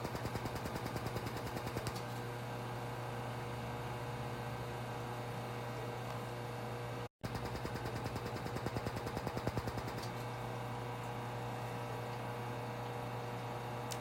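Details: Rapid, fairly steady clicking of about 200 pulses a minute over a constant low hum: a Laser Genesis skin laser firing under the eyes of a female client wearing protective goggles, treating fine lines and wrinkles.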